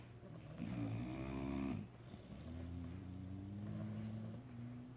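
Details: Puppy snoring: soft, rumbling snore followed by a long, faint whistling breath on a steady pitch.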